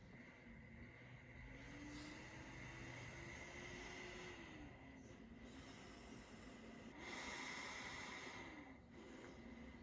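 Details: Close-miked recording of a running travel CPAP machine: steady airflow hiss and fan whine rising and falling gently with breath-driven pressure changes, showing typical travel CPAP machine noise.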